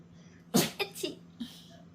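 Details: A dog sneezing when excited at the prospect of going for a walk: several quick, sharp nasal bursts in a quiet room.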